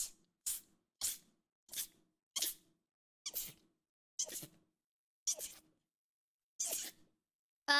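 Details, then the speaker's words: Female streamer's sneezing fit: a rapid run of about ten short, sharp, hissing sneezes spaced under a second apart. "¡Ah! ¡Qué rico! Neta, estornudar es de las cosas más ricas del mundo."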